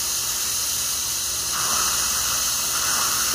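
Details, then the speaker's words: Dental air-water syringe spraying water with high-volume ejector suction slurping it away, rinsing pumice off a tooth during sealant placement on a posterior tooth, before drying. "as the water goes she's just gonna catch it [Music] so we'll just dry it off real good"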